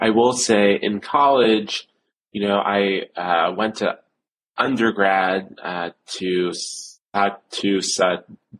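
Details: Adult male who stutters since age seven, severe, with blocks, repetitions and secondary facial behaviours; stuttering.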